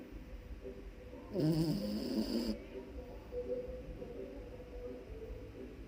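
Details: Sleeping puppy: a short, rough, buzzing snore over noisy room sound, with quieter breathing before and after; snoring.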